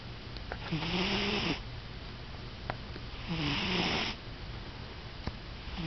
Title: Our cat Ruby snoring